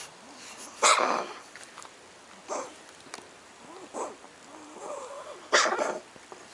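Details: Cat (Sadie) coughing at 9 am: four short, harsh, forced bursts spaced a second or two apart with faint soft whines between; cough.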